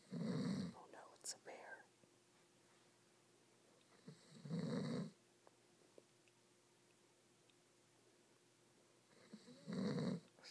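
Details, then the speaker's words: Sleeping man snoring: three loud, rumbling snores about five seconds apart, roughly 12 a minute, with quiet between. "snoring bear. Observe him in his encounter."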